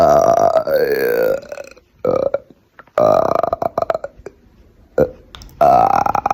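Several loud, drawn-out voiced belches with pauses between them, made deliberately on command; ordinary burping.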